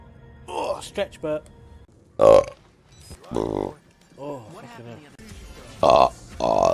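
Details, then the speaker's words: Adult man belching during a live stream: several loud, drawn-out voiced belches with brief speech and background music between them; burping. "bob I'm not burping I'm [ __ ] deflating slowly"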